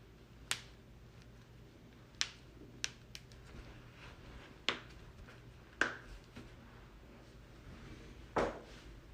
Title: loud back crack and more cracking compilation vol.3